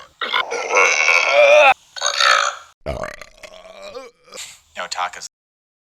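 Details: A compilation of a gamer's recorded burps: several loud, long, rumbling voiced belches in a row, some shaped into word-like sounds.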